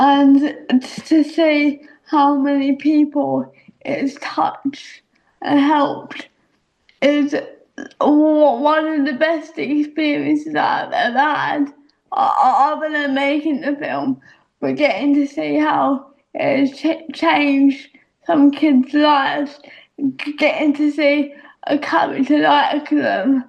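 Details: Young adult woman speaking; dysarthria (cerebral palsy).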